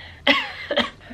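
Two close, harsh cough bursts from an adult during an acute illness; a short coughing fit.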